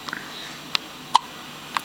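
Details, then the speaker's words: 3-day-old newborn girl with hiccups, which she had throughout the pregnancy and now gets once or twice a day, one eye open: several short, sharp hiccups at fairly regular intervals in a quiet room. "Baby's first hiccups. One eye open and just hicking it"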